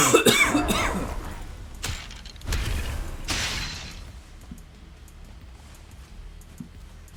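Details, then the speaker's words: Adult gives a short run of three or four harsh coughs during a live gaming stream, fading into faint game sounds; cough. "Sorry for the ear coughs. Alas, it was necessary."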